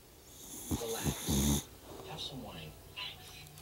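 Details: Sleeping dog: loud rattling snore followed by quieter snuffling breaths; snoring.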